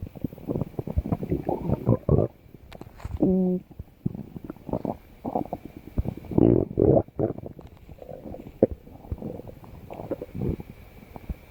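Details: Low rumbling and gurgling bursts with a brief squeaky tonal stretch from a person's stomach; stomach growling (borborygmi).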